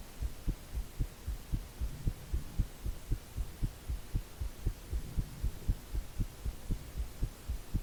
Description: Visible neck pulse with heartbeat sound.